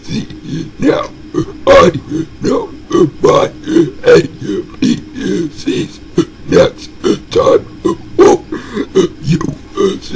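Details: Deliberate burping of the alphabet: repeated voiced belches, roughly one a second, shaped into letter sounds.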